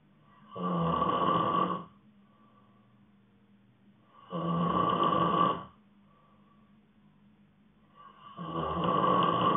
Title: Snoring sleep ASMR